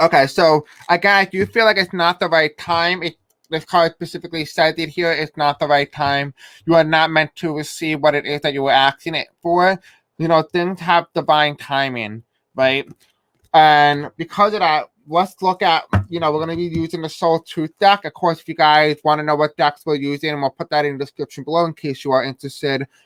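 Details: Adult male who describes himself as having a deaf accent and possible difficulty pronouncing certain words; deaf speech.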